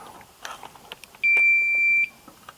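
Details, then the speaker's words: Single clear high-pitched startup beep, under a second, as the handle of a Philips OnSite automated external defibrillator (AED) is pulled down to switch it on during a training demonstration. "i'm going to go ahead and pull down on this handle and i'm going to go slow so you hear all the voice prompts"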